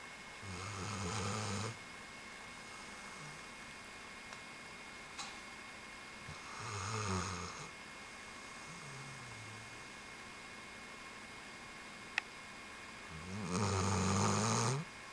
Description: This is our dog Riley, yea, snoring! :D